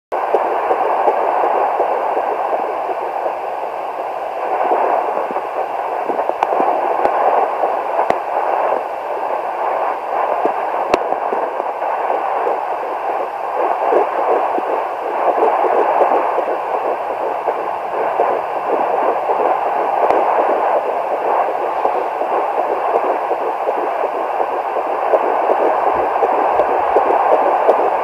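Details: Pregnancy at 11 weeks 4 days, home fetal Doppler: steady whooshing with a fast rhythmic pulse, about 165 per minute, fetal heartbeat.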